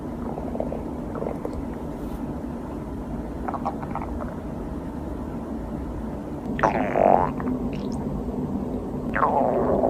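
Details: Hunger-related stomach growling (borborygmi) from a girl: low, gurgling rumbles rise twice out of a steady background hiss near the end.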